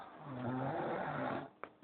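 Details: Snoring: one long, low, rattling snore on an in-breath, followed by brief quiet and a couple of small clicks.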